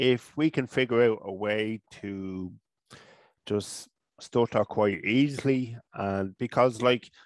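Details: Adult man from Ireland, a person who stutters, with speech therapy first around age 5 or 6; stuttering.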